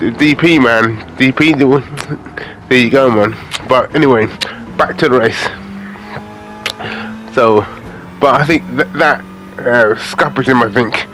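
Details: Adult man with aphasia after a major stroke in August 2013, doing gaming commentary to practise his speech; aphasia.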